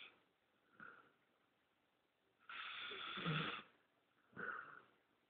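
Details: Bullmastiff/Shar-Pei mix dog snoring while asleep: three rough, noisy snoring breaths in about five seconds, one long and loud, in a quiet room.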